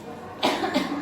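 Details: Adult woman in an acted health-centre consultation, coughing for almost a month with night sweats and feverishness: two quick, moist-sounding coughs; persistent cough suspected to be tuberculosis.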